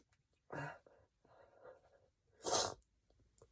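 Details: Stifled sneeze with breathy build-up, then a sharp, wet, spraying burst; two sneezes in all.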